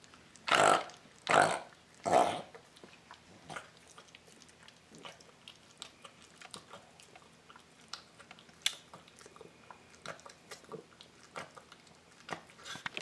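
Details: Dog reverse sneezing, recorded to show the vet: three loud, harsh snorting inhalations in quick succession, a brief episode; reverse sneezing.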